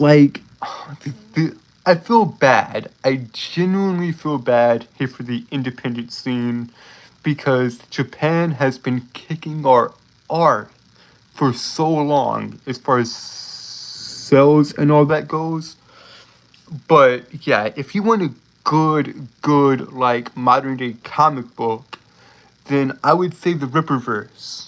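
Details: Adult male streamer with a self-reported speech impediment, stuttering.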